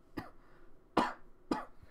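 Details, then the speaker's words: Adult who says he is sick gives three short, harsh cough bursts in a quiet room; the last two are louder and closer together. A companion jokes that he smokes too much. Cough. "Yeah, in case you guys couldn't tell, I'm also sick. So, yeah, that's why all that coughing and stuff is there."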